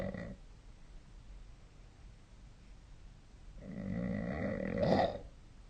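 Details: A sleeping adult snores: a loud, rough, fluttering rattle on inhalation after a quiet pause, with the tail of an earlier snore.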